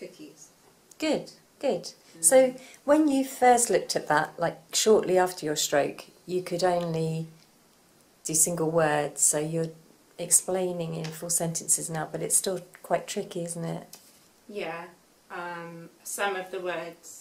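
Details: Adult woman; normal speech.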